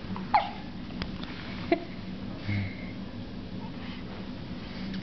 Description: has hiccups